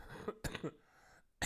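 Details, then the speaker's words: Adult with flu-like illness coughs; symptoms include a non-stop cough, strong headache, and muscle and body pain for several days, plus a morning stuffy nose, with no runny nose or sore throat. "you can hear this is my cough and I have a very strong headache."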